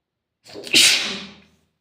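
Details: A single sneeze: a short indrawn breath followed by one sharp, hissing burst that trails off.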